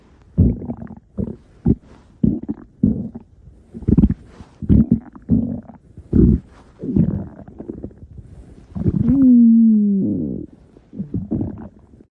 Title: Shifty Stomach Growling V2